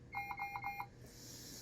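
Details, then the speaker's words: Rapid series of six high electronic beeps from a Puritan Bennett 560 ventilator after its circuit is deliberately disconnected, with audible and visual patient-disconnect alarm; ventilator disconnect alarm. "But it says patient disconnect right there. You notice that there is an audible alarm as well as a visual alarm."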